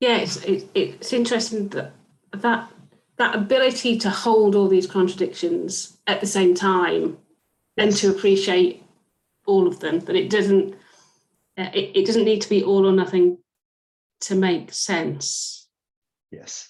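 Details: Adult speaker; conversational speech.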